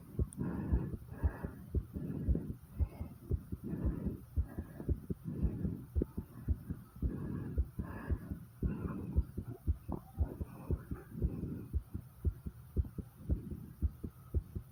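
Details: Rapid, regular heartbeats near 115 a minute with heavy breathing, recorded after 50 squats; a normal fast heart rate after exercise.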